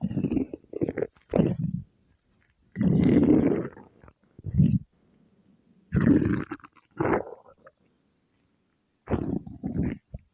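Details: Low, drawn-out gurgling rumbles in separate bursts with quiet gaps between; ordinary stomach growling (borborygmi) from gas and fluid moving through the gut.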